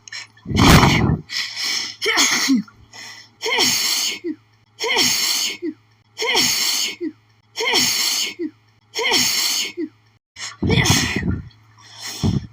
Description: I think I made a mistake sniffing those lilies earlier, I've been having intense sneezing fits nonstop ever since 😧